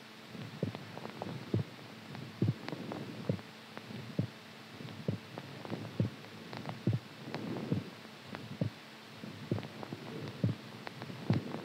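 Dull, regular low thumps over a steady hum, about 70 to 80 a minute: an ordinary heartbeat.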